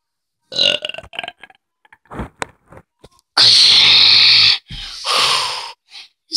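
A few short sounds, then one long loud burp lasting over a second and a shorter second burp: belching.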